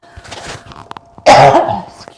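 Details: Adult yoga instructor coughing during a seated chair yoga class, from a tickle in the throat: a single loud, harsh cough after faint room sounds, with a short throat-clearing tail.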